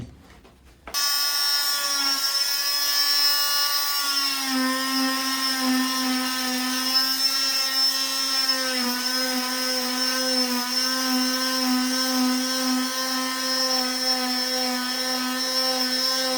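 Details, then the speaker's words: Oscillating cast saw bivalving a below-knee cast, with the other hand used as a stability point: a steady high-pitched motor whine with a buzzing edge as it cuts through the fiberglass cast. "Some people put it against their stomach. You just want something else besides this one hand when you're cutting that, okay?"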